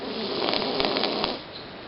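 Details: A male cat sleeping peacefully and snoring loudly: short buzzing, fluttering breaths with a few clicky pulses, then fading.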